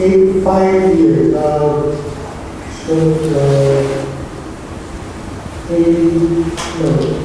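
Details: AphasiaBank sample of a patient with non-fluent aphasia, word retrieval problems and very impaired speech; Broca's aphasia (non-fluent aphasia).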